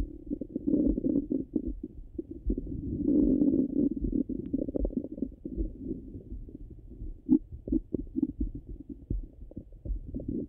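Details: Stomach sounds recorded hungry and full: continuous low gurgling and rumbling with irregular bubbly pops; active bowel sounds from the abdomen.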